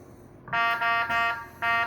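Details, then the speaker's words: Loud repeating electronic alarm tones in short bursts with brief gaps, triggered deliberately on a SiriusMed R50 mechanical ventilator (neonatal, pediatric and adult use) to demonstrate its alarm sound; volume settable from 20% to 100%. "Vamos a provocar otra alarma para escuchar la diferencia de sonido."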